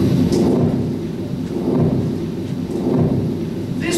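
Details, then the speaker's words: Continuous machinery murmur of an arteriovenous fistula: a never-ending to-and-fro low rumble swelling and fading rhythmically, like a train in a tunnel. "this thing is a NeverEnding to and fr Machinery like training tunnel more and more that is continues"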